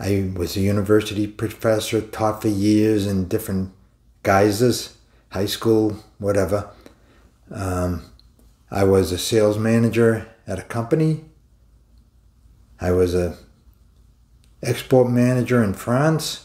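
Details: Mild residual aphasia in an adult man about 20 years after a debilitating stroke that caused aphasia.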